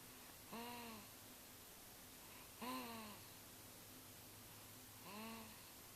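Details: Three short, soft, voiced grunting snores from a sleeping 5-week, 3-day-old infant, about every two to three seconds over faint room hiss: infant snoring.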